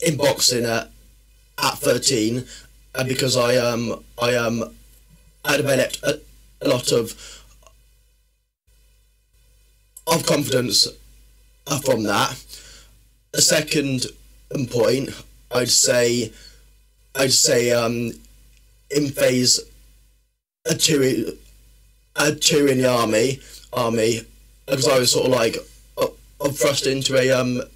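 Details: Adult male with a stammer since about age six, worse in secondary school, improved after leaving the army, and worse when tired, stressed or nervous; stuttering.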